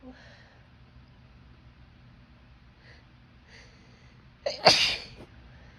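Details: A female with a cold: quiet breathing, then a short catch of breath and one loud explosive sneeze, in a recording of cold sneezes with nose blows.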